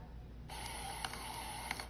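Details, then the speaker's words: CADD Prizm ambulatory infusion pump (educational unit) priming its tubing while the Y key is held: steady mechanical whirr with faint clicks, the normal priming sound. "as you can hear the pump is now priming the tubing after a few seconds it will continue or else it will prompt you do you want to continue"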